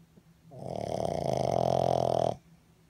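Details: A sleeping Boston Terrier puppy gives one drawn-out, rattling snore of nearly two seconds that grows louder, then stops abruptly.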